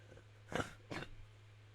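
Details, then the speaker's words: Two short, harsh coughs from an adult, heard over a steady low electrical hum during a video game session; the speaker says it sounded like a terrible cough. "Sorry, didn't know I was going to cough. Okay, that sounded like a terrible cough, too, didn't it?"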